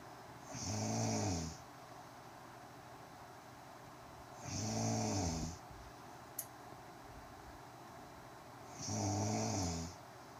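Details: An adult woman asleep, recorded by her partner: three loud, rumbling snores at a slow, steady pace, about 14 breaths a minute, with quiet room noise between. Snoring.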